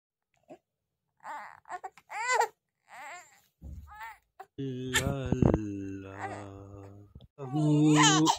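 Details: Infant babbling in short rising-falling bursts, as if trying to talk, then breaking into sustained, strained crying wails.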